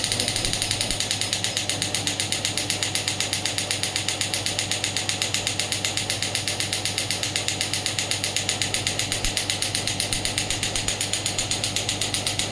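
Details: Rapid steady clacking pulses, about four a second, from a Biotronix black pneumatic radial extracorporeal shockwave therapy applicator firing during a demonstration.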